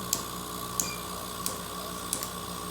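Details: Tattoo-removal laser pulses treating a nevus of Ota, a deep-pigmented birthmark, on a female patient's face near the eye with a metal eye shield in place: four sharp clicking snaps about every 0.7 seconds over room hum, skin frosting.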